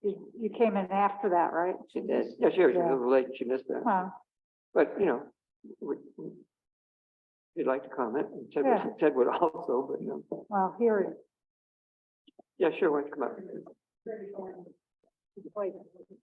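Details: Adults in conversation at a meeting; Typical speech.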